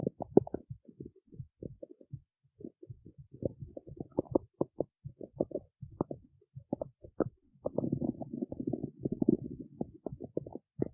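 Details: Stomach growling recorded in the city: irregular low gurgles and rumbling bursts, some running together into longer growls.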